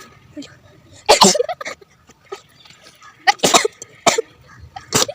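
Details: Repeated sneezing during a sneezing challenge, apparently after face powder was applied: several abrupt, explosive sneeze-like bursts with short gasps and brief voices between them.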